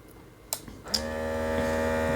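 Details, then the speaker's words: iHealth Bluetooth blood pressure monitor: a button click on pressing start, then the cuff's electric pump motor hums steadily as it inflates to take a reading, like a clinic or pharmacy blood pressure cuff. "it's making a noise similar to uh what you would expect with a blood pressure cuff if you've had experience with that at a medical facility"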